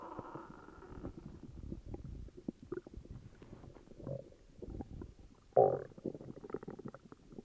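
Continuous low rumbling and bubbling gurgles with one louder squelch near the end. Stomach growling from an upset stomach.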